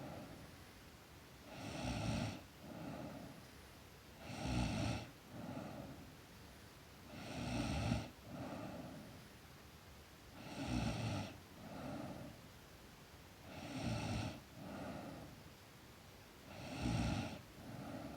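Steady rattling snores on each breath in and softer ones on breath out, about 20 breaths a minute, in a child asleep.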